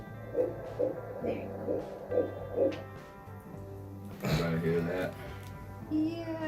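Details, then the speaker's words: Early fetal heartbeat on ultrasound in a single-embryo IVF pregnancy considered high risk: rapid, regular whooshing pulses about 135–140 beats a minute, with background music. "we got the heart you found the heartbeat there is a heartbeat and I'm going to insert the video here so that you can hear the heartbeat as well"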